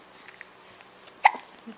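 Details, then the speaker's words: Infant finding their voice, making new sounds and getting upset with hiccups: faint, quick gulping hiccup sounds in a quiet, hissy room; hiccups. "Are you getting upset with your hiccups? Yeah?"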